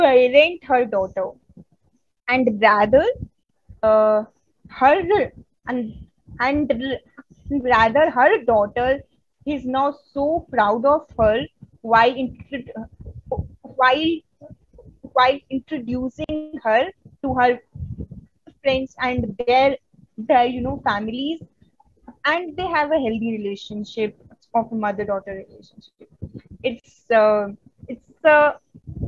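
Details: Adult Indian woman who stutters, presenting on women and stuttering at a stuttering conference; stuttering.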